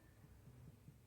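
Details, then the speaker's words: Abdominal percussion along the midline from the xiphoid process down toward the hypogastrium, producing tympanic notes indicating air in a hollow viscus; abdominal tympany on percussion. "bajar tratando y escuchando de que es lo que lo que podemos tenerlo no por ejemplo en este caso se escuchan timpanismo"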